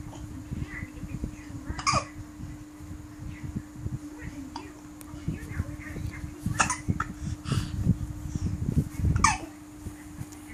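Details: Baby with hiccups: soft, sudden catches of breath a few seconds apart amid babbling, over a steady room hum. Infant hiccups.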